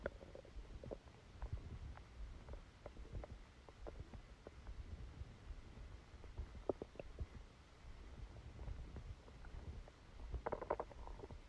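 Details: Stomachache after Christmas dinner, recorded while sleeping: low gurgling rumbles with scattered squelching clicks from the belly; active bowel sounds.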